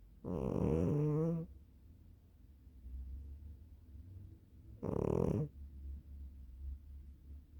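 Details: Two loud, buzzy, voiced, rattling low-pitched breath noises a few seconds apart over quiet room noise; snoring from a sleeping cat.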